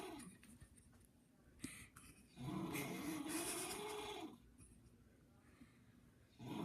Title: My uncle has the weirdest snore ever!!!!!!!!!!!!!!!!